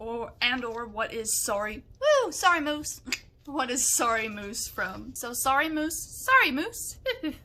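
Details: Adult woman with Tourette syndrome whose vocal tics include involuntary noises, words and swearing, here involuntarily repeating a phrase; vocal tics (Tourette syndrome).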